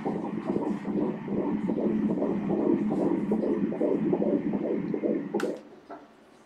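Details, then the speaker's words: Fetal heartbeat on ultrasound Doppler at 13 weeks' gestation: rapid, regular whooshing pulses at 163 beats a minute, a normal rate. "жүрек соғу жиілігі... минутына 163 соққы ."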